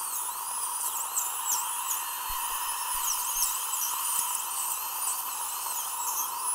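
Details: Surgical drill sectioning a horizontally impacted lower wisdom tooth (#38) during live extraction surgery, after flap incision with distal release: continuous high-pitched whine with pitch swoops as it cuts.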